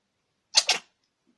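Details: A cat gives a double sneeze: two quick, sharp, hissy bursts in close succession.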